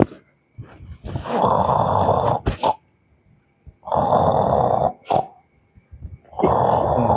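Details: Acted snoring in a Sundanese comedy sketch, a character sleeping outside because it is hot indoors: loud, rough, rattling snores on each in-breath, separated by quiet pauses.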